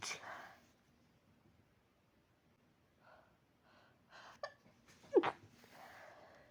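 Two quick, fairly soft sneeze bursts separated by quiet breathing in a still room.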